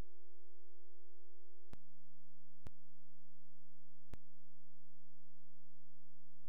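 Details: Steady electronic tone dropping in pitch, with sharp clicks about once a second: phacoemulsification machine during cataract surgery performed without viscoelastic, irrigating chopper or special instruments.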